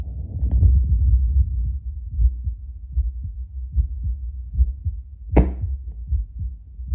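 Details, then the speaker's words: Adult's own heartbeat via Littmann CORE Bluetooth digital stethoscope played through a speaker, baseline before espresso: steady low thumps about 75 bpm by the app, brief scrape of handling; normal heart sounds. "Okay, so I'm hanging around 75 beats per minute. This app is cool because it tells you like your beats per minute."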